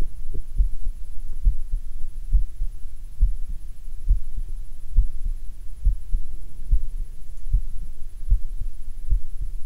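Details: Heart recorded with a DIY electronic stethoscope: steady low thumps at about 68 beats a minute over a constant hum; a regular, normal heartbeat.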